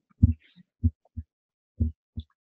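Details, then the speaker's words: Systolic murmur over the tricuspid area on a Harvey cardiopulmonary simulator, timed with the carotid impulse, louder on inspiration and softer on expiration (inspiratory augmentation, a right-sided sign); tricuspid regurgitation. "here you'll obviously hear a murmur you can see that it occurs at the time of the carotid impulse so it's a systolic murmur and if you watch the breathing again in it gets louder out it gets softer in louder so inspiratory augmentation this is tricuspid regurgitation"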